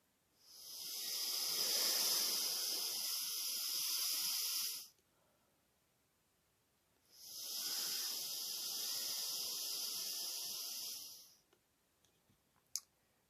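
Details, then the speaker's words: Homemade Arduino-based smart incentive spirometer with a mouthpiece, used in a demonstration: two long, steady airflow hisses of about four seconds each from deep breaths, which the device rates as the best flow speed. "and now i'm bloated as deep as i can and make it the best best bloating speed"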